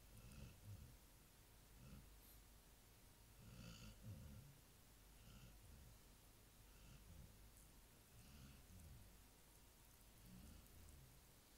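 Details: Soft low rumbling snores repeating every few seconds, about 18 a minute, against faint room noise from a sleeping Labrador retriever that snores nightly.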